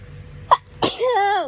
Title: My hayfever sneezes compilation